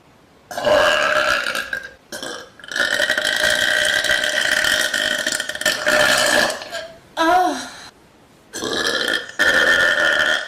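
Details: A woman voluntarily burping on a couch: several long, loud, drawn-out burps separated by short pauses, with one shorter burp.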